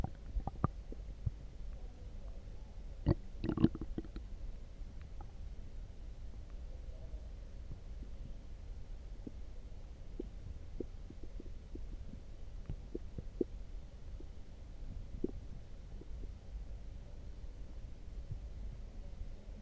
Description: Drank some coffee and it made my belly go craaazy